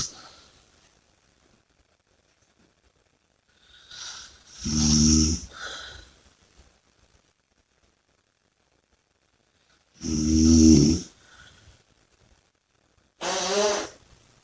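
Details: Loud rattling snores on the in-breath with quieter breaths between, about three cycles in fourteen seconds; snoring and heavy breathing during sleep.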